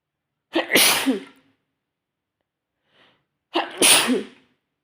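Two loud sneezes, each a sharp in-breath then an explosive burst, about three seconds apart: sneezing.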